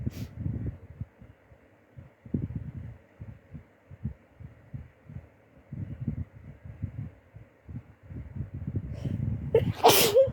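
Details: Sneezing in a person almost recovered from the flu: quiet low breathing and shuffling noises, then one loud, sharp, explosive sneeze near the end.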